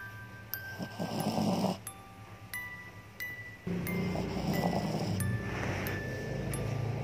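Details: Sleeping puppy: soft, low rumbling snores under chiming lullaby music; snoring.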